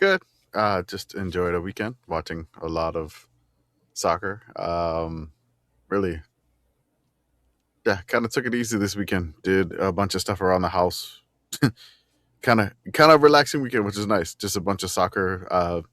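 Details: Adult man speaking; normal voice.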